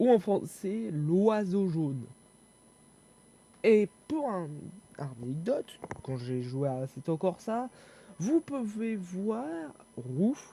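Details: Young male French speaker who self-reports stuttering and difficulty speaking, with panic or stress from fear of mockery; stuttering.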